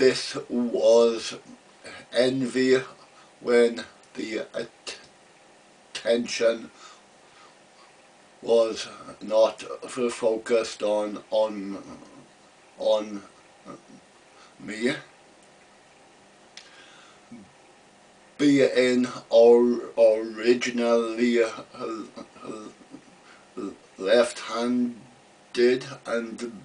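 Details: Stuttering in an adult man who has stammered since about age three, speaking to strangers for the first time; part-word and word repetitions and blocks are heard.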